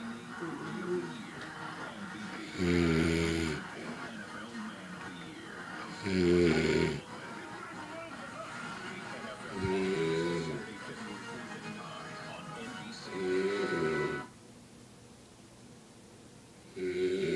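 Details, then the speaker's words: Old man, the speaker's father, snoring loudly in sleep, speaker suspects he is drunk: loud rumbling snores about every three to four seconds, roughly 17 a minute, with quiet breathing between; heavy snoring. "and that was my dad snoring"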